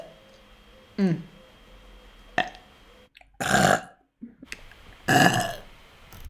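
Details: VTuber burp compilation: several loud, drawn-out belches in short succession with brief quiet gaps; ordinary burping.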